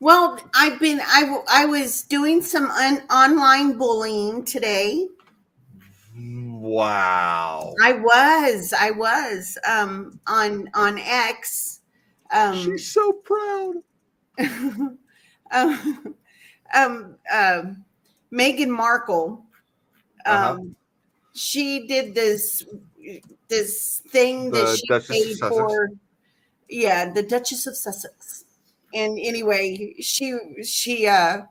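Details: Adult male with a self-described speech impediment, a stutter he likens to Churchill's; he says he once avoided talking out of fear; stuttering.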